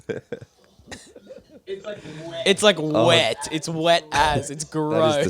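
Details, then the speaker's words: Adult man with a cough, tested and believes it is not COVID, gives two short harsh coughs over his mic, then laughs; loose, productive-sounding wet cough, phlegm filling mouth that morning. "i was in the shower this morning and i like did one big cough and it's like my whole mouth just like filled with flam"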